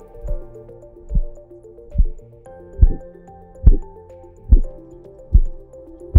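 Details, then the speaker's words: Korotkoff sounds heard through a Stemoscope wireless smart stethoscope during blood pressure cuff deflation: regular soft thumps at about 72 a minute, with background music. "traditionally blood pressure is measured with a cuff and a stethoscope and the stethoscope is used to detect the sounds of blood flow during cuff deflation so called korotkov sounds"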